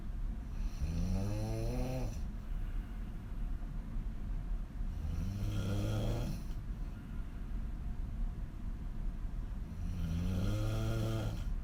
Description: Extreme female snoring on her back with wide open mouth